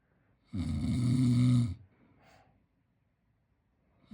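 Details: Sleeping 10-month-old baby boy snoring: a single loud, low, rumbling snore on an in-breath, followed by a softer airy out-breath.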